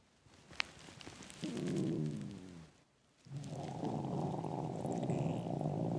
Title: Loud intense empty stomach growling